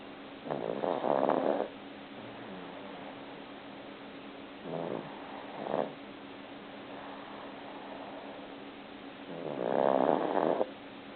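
Soft, low, rattling snores from a sleeping cat, three of them over about eleven seconds, with a steady faint hum behind.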